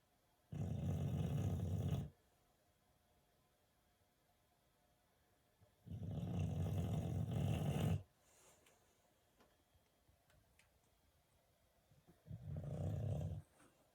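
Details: Sleeping animal snoring: three long, deep, rumbling snores about 4 seconds apart, with quiet pauses between them.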